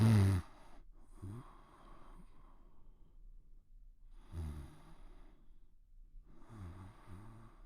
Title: Pimples Sleeping & Snoring